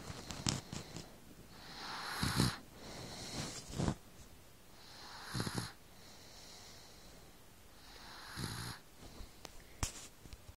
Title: Baby snores lol